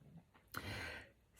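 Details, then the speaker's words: A single noisy, rushing breath from a dog sleeping right beside its owner in a quiet indoor room, heard in the background: an ordinary snore. "so if you can hear my dog in the background he's snoring sorry i can't help it he likes to be right next to me"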